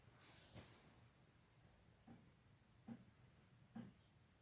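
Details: Cat snoring or snuffling while napping: four brief, soft snorting puffs about a second apart over a quiet hissing background.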